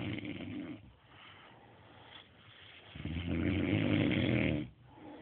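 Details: Rough, low rumbling snores with a sleeping person's breaths, loudest on one long breath, with quiet gaps between: ordinary snoring.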